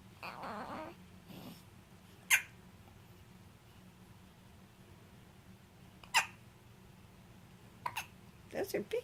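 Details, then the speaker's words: Infant lying on a playmat with one of many frequent bouts of hiccups: sharp, brief, big hiccups a few seconds apart in a quiet room with soft baby noises. "here is clay with his i don't know 500th set of hiccups he's gonna think that's the way to live"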